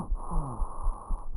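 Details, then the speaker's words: Stridor, an example played in a paramedic lung-sounds lesson: a brief, harsh, musical breath noise like a wheeze. It is mostly inspiratory, from upper-airway (laryngeal) narrowing or obstruction, and is often seen in pediatric patients. "okay a third one I want to go over here stride or okay this is mostly inspiratory in nature sounds like a wheeze and it's associated with laryngeal obstructions"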